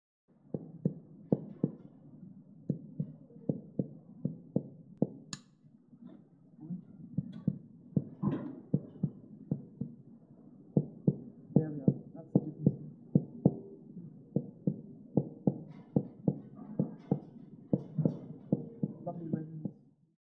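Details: Percussion of a cow's thorax and abdomen, possibly using fingers striking fingers instead of a percussion instrument, contrasting the resonance over the lung fields with that over the abdomen.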